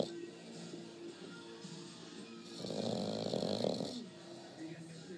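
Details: Bulldog puppy asleep, with a loud, rough snore swelling mid-recording over faint music and voices in the background; puppy snoring.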